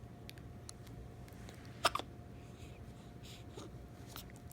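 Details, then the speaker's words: Girl with hiccups: a single sharp, abrupt hiccup with a brief catch right after, in a quiet room with a steady background hum. "got the hiccups? Goodness. It's okay. It's okay. Poor girl."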